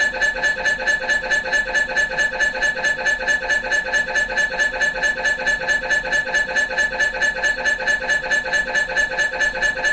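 Loud, rapid, machine-regular tonal knocking at about 136 pulses a minute; the ordinary noise of an MRI scanner running an imaging sequence.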